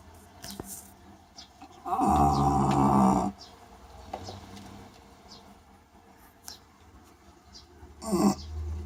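One loud, rattling, gurgling snore lasting over a second, then a shorter snort, over quiet room noise: snoring in a flat-faced dog.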